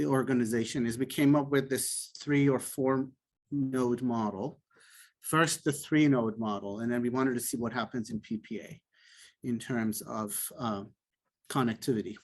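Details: Adult male speaker; typical speech.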